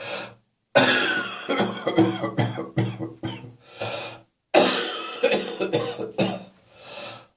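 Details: Two loud runs of about ten repeated rough, rattly coughs; wet, phlegmy productive cough continuing.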